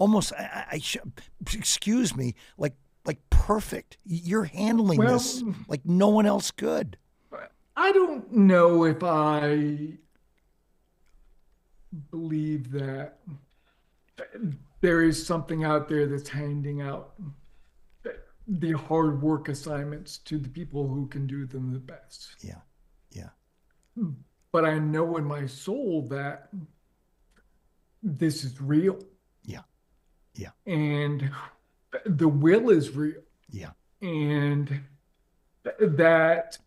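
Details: Adult man with late-stage ALS, diagnosed 4.5 years ago, paralyzed from the mid-throat down. He speaks using a ventilator to inflate his lungs and has difficulty speaking and breathing. Dysarthria in amyotrophic lateral sclerosis.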